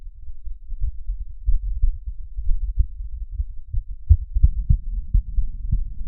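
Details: Muffled, low-pitched heart thumps in a steady rhythm with a faint hum behind, heard by stethoscope at Erb's point; sound with customisable parameters, likely a simulated recording.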